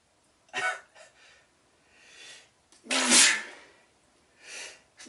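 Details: Quick in-breaths build to one forceful, hissing sneeze, followed by breathing, with lingering nasal itchiness but no blocked nose; ordinary sneeze.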